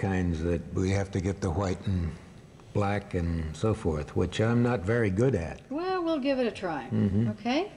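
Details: Adult male speaker; normal speech.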